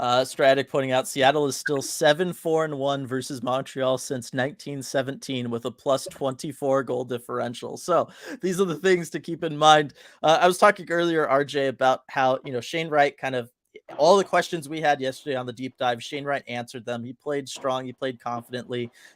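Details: Adult male; normal speech.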